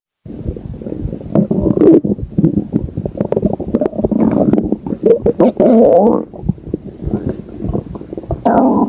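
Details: Stomach growling: continuous low gurgling and rumbling with bubbling squeaks and rising swells (borborygmi).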